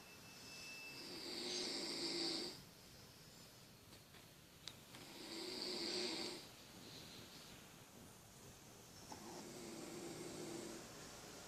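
Soft, whistling snores recurring about 15 times a minute, with quiet gaps between breaths.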